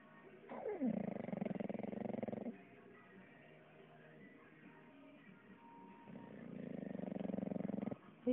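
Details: Two long, loud, fluttering inspiratory snores separated by a quiet out-breath from a sleeping English bulldog; heavy snoring.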